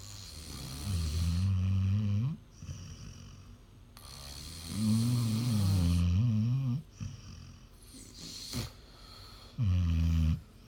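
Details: Snoring during sleep from either a pet dog or an adult man (husband), compared in a snoring contest; which one is snoring is not stated.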